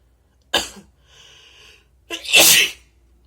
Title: wet sneezes & nose blows + some cough